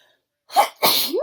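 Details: Single adult sneeze: short indrawn breath followed by a sharp, explosive burst of air with a voiced tail.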